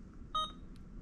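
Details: One short, clear electronic beep against faint room noise as an option is selected on an Alaris IV infusion pump while programming a 1-litre IV fluid bolus for a new adult patient; infusion pump keypad beep.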